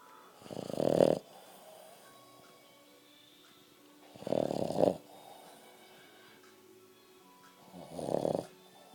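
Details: Dog snoring: three loud, rough snoring breaths over nine seconds, each well under a second, with quiet pauses between.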